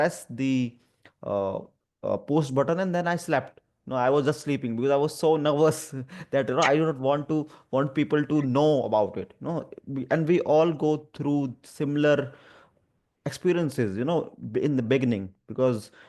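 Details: Adult who stammers, reporting stuttering especially on the "through" sound and on his own name; he formerly avoided feared words by substituting others; stuttering.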